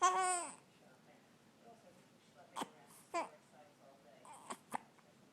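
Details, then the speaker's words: Baby boy's fussy cry followed by about four short, sharp, isolated hiccup sounds in a quiet room; baby hiccups. "what is it you got the hiccups what is it buddy well talk to me uhuh are they bothering you the hiccups are you growing oh there they are again"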